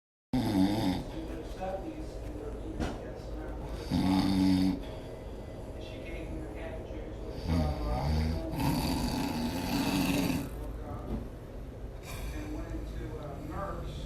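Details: Loud, irregular, rattling snores with snorting breaths against background noise during sleep; heavy snoring.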